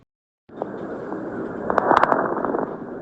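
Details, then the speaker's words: Coarse crackles, taught as auscultation: loud, low-pitched popping and bubbling over breath sounds, described as high-intensity biphasic bursting sounds heard over most of the chest and transmitted to the mouth. "onar luego tenemos las crepitaciones gruesas las cuales son ruidos de estallido de alta intensidad y bifásicos se van a encontrar en la mayor parte del tórax y a diferencia de los anteriores Estos sí se van a transmitir a la boca"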